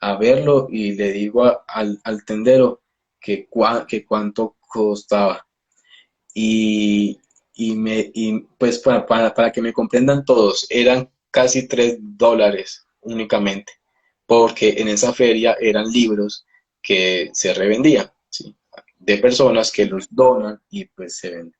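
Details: Adult male Spanish-speaking speech-language pathologist who stutters, speaking in a live interview; stuttering.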